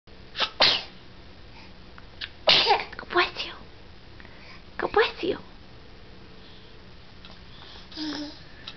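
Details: A child repeatedly sneezing in quick sharp hissing bursts with brief voice sounds between; ordinary sneezing.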